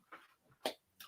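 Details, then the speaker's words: Pet dog sleeping in a quiet small room: short, noisy, rasping breaths with one louder snort-like burst among softer ones; snoring. "That's the dog snoring. Bloody hell! I bet you can hear that on the camera, right?"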